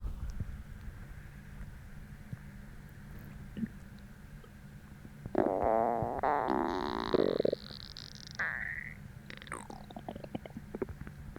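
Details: Stomach growling about twenty minutes after a hollow, empty feeling, despite a heavy dinner the night before: loud gurgling, rumbling three-second growl with bubbly rising squeal, then softer gurgles; hunger borborygmi.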